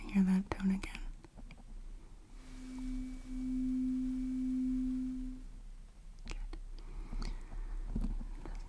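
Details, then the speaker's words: Simulated ASMR audiology roleplay, acoustic reflex test with a probe in the ear: steady low hum about three seconds, soft rustling and taps; reflex thresholds declared normal. "باشه. بنابراین شما یک لحن را خواهید شنید. و دوباره."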